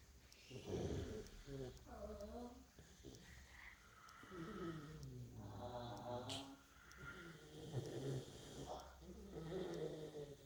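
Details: Tired mother dog in sound sleep after a hard day: rumbling, voiced snores with a groaning, moaning quality on each breath out, rising and falling in waves; snoring.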